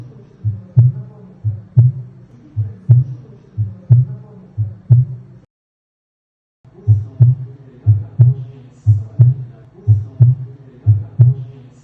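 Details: Heart auscultation: regular heartbeat at about 60 beats a minute with clear paired first and second heart sounds and no murmur, normal heart sounds.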